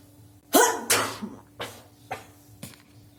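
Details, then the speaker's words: Sneezing and nose-blowing challenge; afterwards a runny nose is noted: a loud sneeze-like burst, then a few fainter sharp nasal blows or sniffs. "আমি তোমাদের একটা মানে sneezing and nose blowing challenge করে দেখাচ্ছি।"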